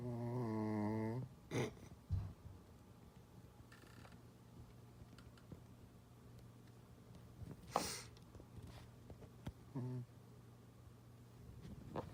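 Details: One low honking snore, then quiet breathing with brief snorts, from a deeply sleeping male who sleeps under the coffee table or on the bed and whose snoring can wake the owner; snoring.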